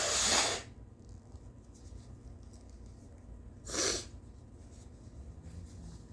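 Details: Tired adult with a snotty nose, late-morning sneezes, coughs and nose blows: two sharp, hissy bursts about three seconds apart in a quiet room; sneeze.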